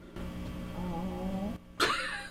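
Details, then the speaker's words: Stomach growling heard over a steady electric-guitar amplifier buzz, 60-cycle hum from newly installed P90-style pickups: wavering, gurgling tones rise over the hum, then a sharp clunk. "That was my stomach, not the guitar."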